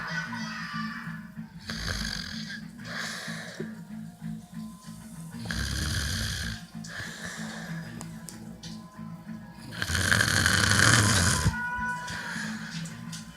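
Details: Ordinary snoring: rough, fluttering snores rising and falling with each breath over steady background music.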